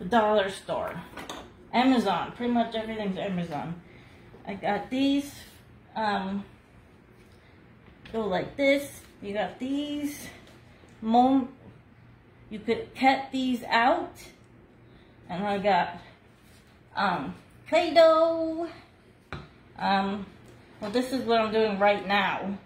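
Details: Aphasia in an adult woman nearly two years after a hemorrhagic stroke, followed by seven brain surgeries with one more planned; she could not talk at all the year before and is still numb on one side.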